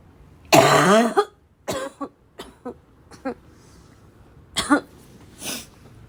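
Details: Barking cough.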